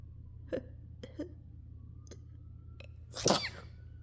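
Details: Person deliberately breathing out before sneezing while trying for rapid-fire sneezes: several small, quiet sneezes followed by one louder, fuller sneeze.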